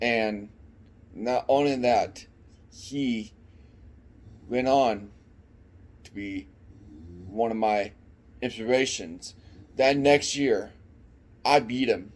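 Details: Speech impediment in a man, present since childhood, type not specified; dysfluent speech with prolongations and pauses.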